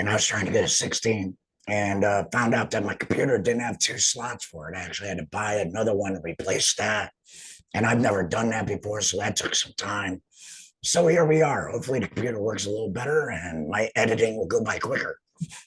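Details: Adult male laryngectomee speaking; alaryngeal speech after total laryngectomy.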